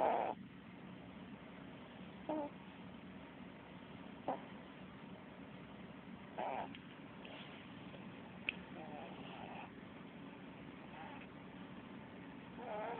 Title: sleeping white cat snoring!